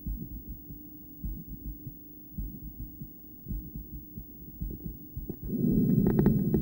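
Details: Female heart heard through a poorly placed stethoscope after breath play, going intermittently into bigeminal rhythm: muffled paired, uneven beats and a long pause, then loud breathing noise.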